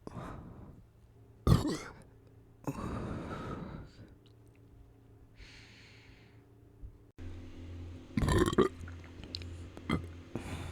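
Three loud, low, gurgling burps in a quiet room, with a faint hum behind them. Ordinary belching.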